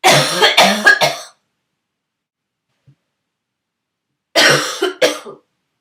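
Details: Two short bouts of several rapid, harsh, explosive coughs from a sick person whose throaty cough turned barking for the first time; barking cough.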